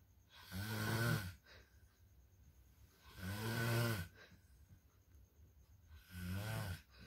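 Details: Three loud, buzzy snores on the in-breath, roughly 21 breaths a minute, with quiet gaps and faint room hum; habitual snoring described as level 3, possibly linked to being overtired.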